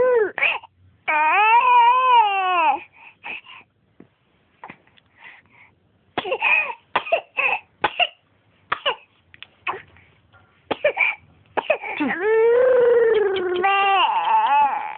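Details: A child's loud wailing cries broken by a run of short, choppy coughs and gasps, then crying resumes; coughing brought on by crying.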